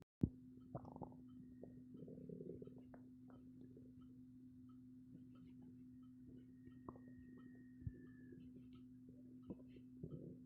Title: Stomach growling very active